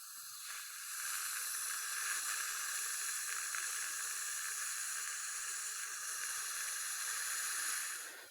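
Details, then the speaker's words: Steady high hissing water spray for several seconds rinsing off hydrofluoric acid left about a minute on the porcelain, during Lumineers veneer bonding on a young woman. "okay so leave this on for about a minute let's wash that"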